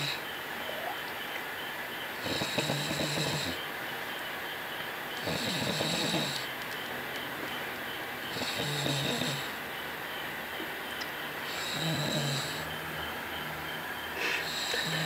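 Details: A man snoring: loud, rough snores repeating regularly at about 20 breaths a minute over a noisy room background with music; snoring.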